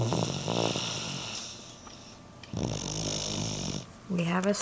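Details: Little one who fell asleep watching a cooking channel on TV, snoring really loud: rough, rattling snoring sounds over television noise, then a brief voice; snoring during sleep.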